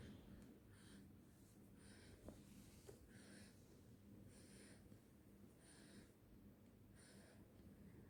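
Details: 4-month-old baby boy asleep, with soft, regular snuffly breaths at roughly 45 a minute in a quiet room; infant snoring.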